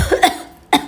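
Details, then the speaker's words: Two short, sharp cough bursts with a brief pause between them, acted rather than real, from a character with an itchy throat in a school drama skit. "aduh mana kepengen batuk lagi ah udahlah Sekali lagi aja hehehe Siapa itu yang batuk bukan saya bukan Aduh tenggorokan segala gatel mulu"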